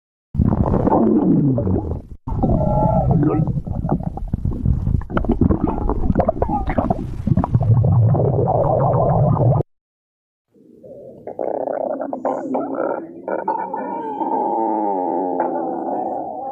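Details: Stomach growling: long, loud rumbling and squeaky gurgling with shifting pitch, a pause, then more drawn-out growls; borborygmi.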